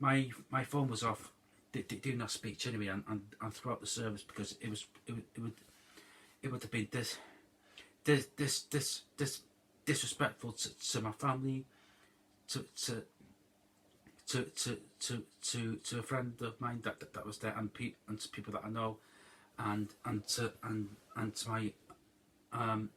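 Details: Adult man whose stutter developed over roughly the last 10-13 years, after IBS, with no stuttering growing up; finds it difficult to get words out; stuttering.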